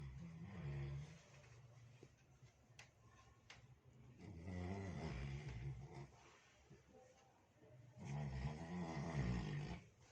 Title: snoring while sleeping #shorts